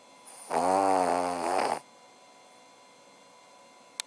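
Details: Cavalier King Charles Spaniel snoring: one drawn-out, buzzy, tonal snore lasting over a second, then quiet.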